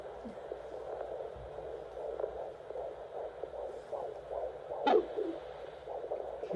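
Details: Fetal heartbeat on Doppler: rapid, regular galloping whoosh at about 150 beats a minute.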